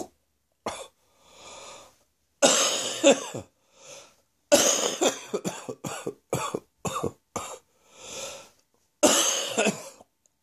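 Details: Adult's wheezy, chesty morning cough: repeated harsh, wet, productive coughs in clusters, with wheezy rasping breaths drawn in between bouts.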